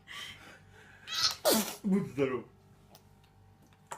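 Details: Baby sneeze: a quick intake of breath, then a sharp burst followed by a couple of small voiced sounds.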